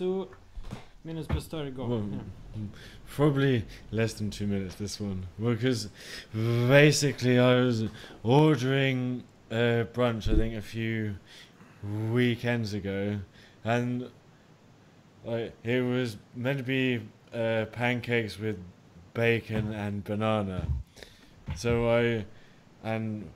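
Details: Stuttering in an adult man, the co-host, who introduces himself as someone who stutters, speaking during a stammering-awareness podcast.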